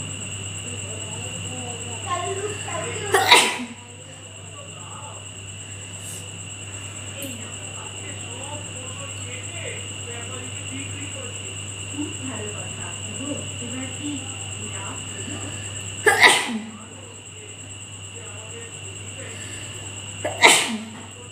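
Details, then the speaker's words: Deliberately induced sneezing in a nose-sneezing challenge, with watering eyes: three sharp, explosive sneezes over a steady electrical hum and a constant high whine. "তো আজকে দেখা যাক কটা হাঁচি ওঠে। হাঁচি তুলতে গিয়ে চোখ দিয়ে জল বেরিয়ে যাচ্ছে আমার।"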